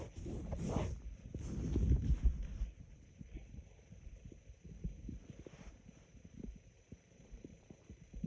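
Low, raspy gurgling rumble at first, then sparse soft pops and bubbling; ordinary stomach growling.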